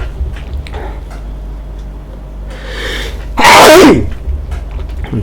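A quick breath in, then one loud, sharp sneeze, with room noise before and after.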